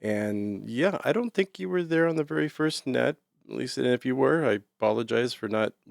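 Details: Adult man speaking; normal voice.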